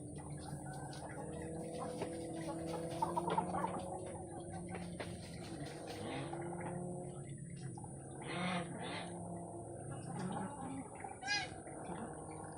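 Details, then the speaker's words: Low, steady snore-like purring from laying hens while dust bathing, thought to come from a black hen; a sound hens make only when very happy: contentment purr. "这好像是中间那一只黑色发出的声音，这个要鸡很快乐的时候才会发出的声音。"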